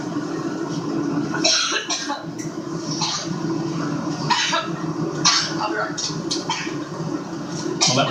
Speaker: her press conference there aboard her new campaign plan interrupted by a coughing fit. The second coughing fit that she's had today.